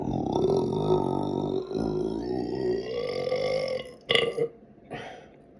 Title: Burp (125) #belching #burp #burping #belch